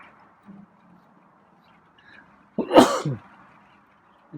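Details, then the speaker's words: Adult, a single sudden, explosive sneeze breaking an otherwise quiet background of faint low noise, with rain outside; an ordinary sneeze. "me sneezing and scruffy still doesn't like it when i make strange sounds like that like coughing and sneezing"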